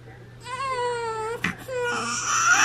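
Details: Baby boy about 26 hours old, first diaper change: clear high-pitched newborn wail with a catch of breath, then a second cry as the change begins; music faintly behind; newborn cry.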